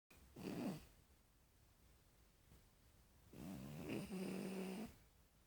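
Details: A sleeping cat snoring: two breaths in a quiet room, a short one then a longer, buzzing one with a faint whistle.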